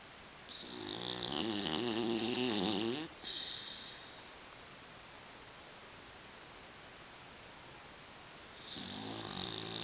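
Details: A sleeping dog snoring: a rough, rattling inward breath, then a long quiet exhale, before another snore begins.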